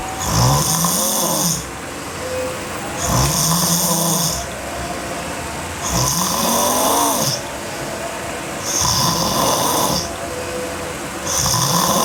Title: Sleeping Girl Hard Snoring (EVB) Part 2